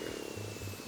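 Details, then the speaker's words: The speaker's own stomach rumbling (borborygmi) during a whispered ASMR gaming video: a low, gurgling rumble swells midway through, over soft background music. "My stomach does as well. Can you hear that? I really hope you can hear that."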